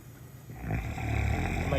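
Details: Sedated female bear snoring while a veterinarian trims her claws at a wildlife center: deep, rumbling low snore that builds in loudness.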